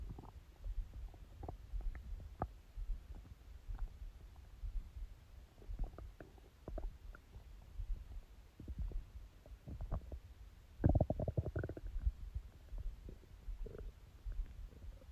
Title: My Stomach growling😊